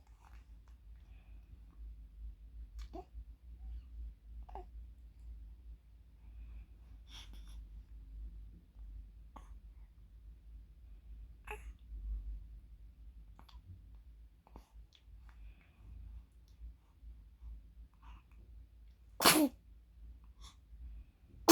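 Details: Infant at 44 days old fussing while sleepy, with quiet fussing and small breathy noises, then one sharp, explosive sneeze near the end; an ordinary infant sneeze.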